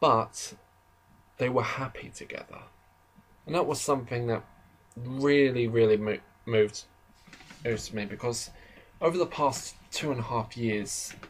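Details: Adult man who describes himself as slightly stammering, heard in natural conversational speech with stuttering.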